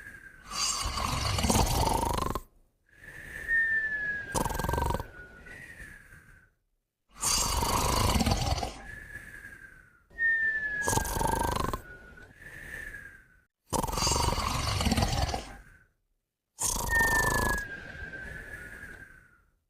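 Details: Moumou and a puppy snoring and whistling together: loud rhythmic snoring with a whistling tone on each out-breath, about six to seven breaths in twenty seconds; sleep snoring.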